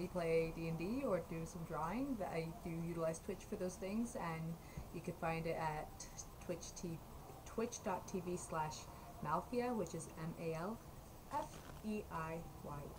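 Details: Adult woman speaking; normal speech.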